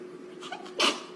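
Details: Idol's sneeze: short, soft intake of breath, then one sharp, forceful burst of air over a steady low background hum.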